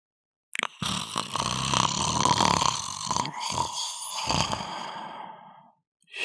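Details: Snoring while lying in the sun: one long, rough, groaning breath with snorting breaks, about five seconds, in a quiet setting; loud snoring.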